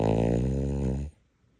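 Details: Dog fast asleep: a single long, low, buzzing snore lasting about a second, then quiet. Snoring.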